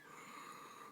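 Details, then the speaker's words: A single deep, noisy, forced breath imitating the rapid, deep breathing of diabetic ketoacidosis in type 1 diabetes; Kussmaul respiration. "and you're going to hear Kussmaul respiration. It sounds like they're dying."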